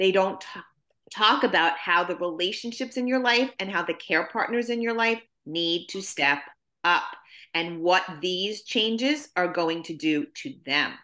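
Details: Adult woman speaking; typical speech.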